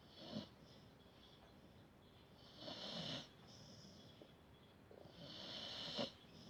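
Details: Sleeping dog snoring: hissing, whistly snores with a snorting edge, about 20 a minute, one on each breath.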